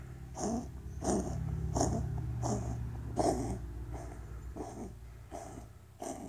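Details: Seal point Siamese cat with a bad hacking cough: about nine short harsh hacking coughs in a steady run, low rumble underneath.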